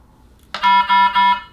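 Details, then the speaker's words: Occlusion alarm: three loud, steady electronic tones in quick succession from the Aquadex SmartFlow ultrafiltration system, signalling a withdrawal line occlusion; it clears once the occlusion is remedied, per troubleshooting training. "indicates withdrawal difficulty adjusting flow withdrawal line occlusion silence interventions listed on the screen use down arrow to see all interventions alarm will clear after occlusion is remedied"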